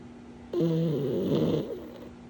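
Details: Sleeping pug snoring again: one loud, rough, buzzing breath noise of about a second.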